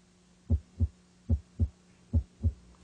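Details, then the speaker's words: Cardiac auscultation at the apex using stethoscope diaphragm and bell: three clean lub-dub heartbeats at about 74 a minute; normal first and second heart sounds (S1, S2). "determine the patient's heart rate and rhythm and listen for the normal heart sounds s1 and s2"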